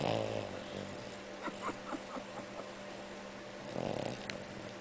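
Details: Two rough, fluttering snores about four seconds apart from a sleeping pet, likely a dog.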